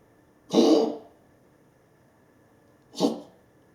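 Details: Dog coughing, recorded Jan 15, 2025: two short, harsh, honking coughs a few seconds apart.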